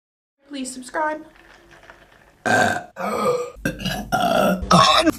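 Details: Female, several loud, rough, low belches in a row, some drawn out, with softer voiced sounds between them: repeated burping.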